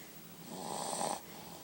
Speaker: having her morning nap and she's got a bit of a runny nose these days she sounds quite a bit like her dad a chip off the old block chip off the old block exactly listen to that snore to got some bulldog in her too